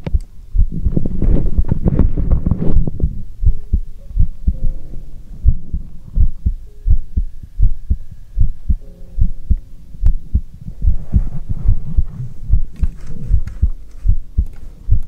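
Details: Stethoscope heartbeat ASMR: steady low thumping heartbeat at about 74 beats a minute with faint rubbing noise; normal heart sounds.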